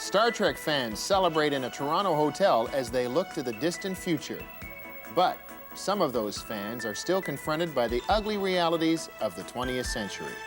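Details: Adult male narrator; normal speech.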